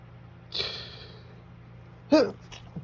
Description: Allergies haven’t been all that active lately so I decided to tease my nose with some perfume instead for you guys, this stuff really gets me going, hope you enjoy 😉😶‍🌫️🤧